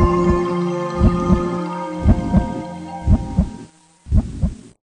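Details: Normal heartbeat for education: regular paired thumps at about 58 a minute over sustained background music.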